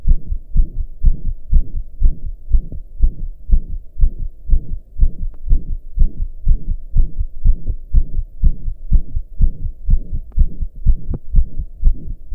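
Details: Own heartbeat recorded lying down after pounding hard for hours, regular at about 120 a minute with a loud soft whooshing between beats: heart murmur.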